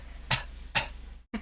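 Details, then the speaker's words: Adult on antibiotics: two short, dry cough bursts with a third starting at the end, over a steady low hum; dry cough. "Sorry, I have a cough now. That sounded so funny."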